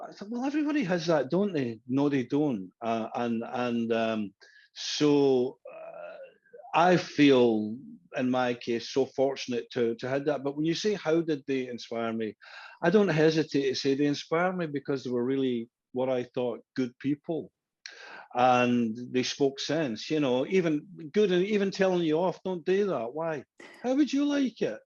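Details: Adult man who stammered as a younger boy, with the stammer said to still be heard at times; stuttering.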